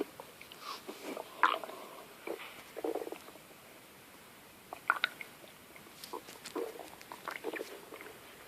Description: My stomach growling very loud.